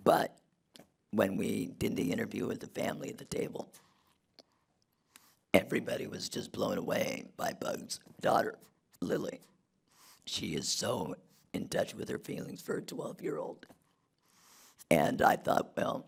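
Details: Man who had a laryngectomy in 2016 due to long-term radiation damage from tonsil cancer treatment 19 years earlier, speaking without his natural voice box; alaryngeal speech after laryngectomy.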